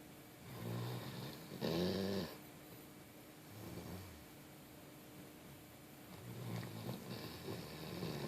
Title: My dog snoring...lol